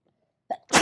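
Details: Brief indrawn breath then an explosive, hissing sneeze from a person with a late-summer cold; sneezing.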